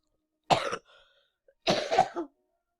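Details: Two harsh coughs with a brief gap, the second a double burst, from a person who had a cold for a long time and is only partly recovered; coughing.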